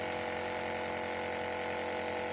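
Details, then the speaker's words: Compressor nebulizer running during home nebulization with medicine for chest infection and cough, given about 5 minutes twice daily: a steady humming buzz as the mist comes out. "ये देखें, वो भाप निकल रही है, nebulise हो रहा है। ये जो धुआं निकल रहा है, ये नेबुलाइजेशन की मेडिसिन का है धुआं, जिससे चेस्ट इन्फेक्शन क्लियर हो जाती है।"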